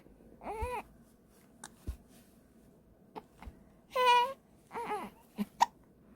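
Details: Three short, high-pitched cry bursts from an infant with hiccups, separated by quiet gaps with brief sharp catches, in a small quiet room.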